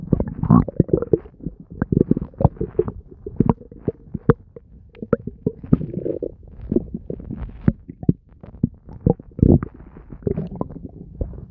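Frequent gurgles, pops and bubbling rumbles throughout, active bowel sounds from gas and fluid moving through the gut.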